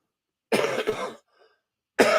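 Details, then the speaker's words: Adult with a tickle in the throat: a quick pair of harsh, dry coughs, then another cough starting, with no wet or rattling sound; a dry cough. "I have a tickle in my throat that don't want to come out. Y'all hear that dry cough? It don't want to move, but okay."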